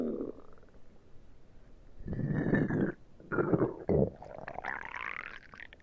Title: my stomach growling